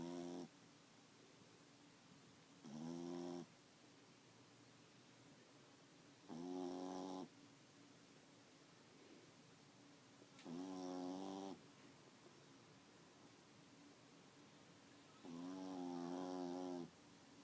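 Regular buzzing snores from a sleeping dog, five in about seventeen seconds, roughly 17 breaths a minute, over quiet room noise.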